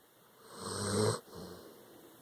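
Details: Sleeping dog, tired after an anxious day, after a hurricane: one loud, rattling snore that builds then stops sharply, followed by a softer exhale: snoring.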